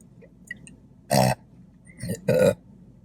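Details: Mukbang eating show, eating chicken fingers, fries, toast and drinking Diet Coke: two loud, drawn-out belches in close succession in a quiet room; ordinary burping.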